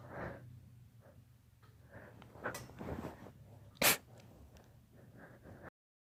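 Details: Dog sneezing: snuffling nasal breaths, then one sharp, loud sneeze, followed by more sniffing.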